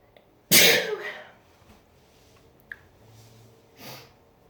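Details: Sneeze during a cold, in the shower: one loud, explosive sneeze, then a softer breathy sound, over steady running water in a small room.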